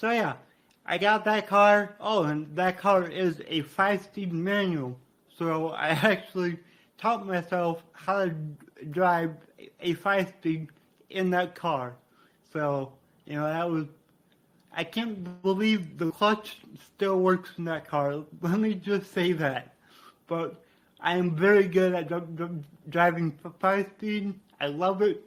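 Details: Man with cerebral palsy from brain damage after being born without heartbeat or breathing and being revived; he describes a resulting speech impediment; dysarthria (cerebral palsy).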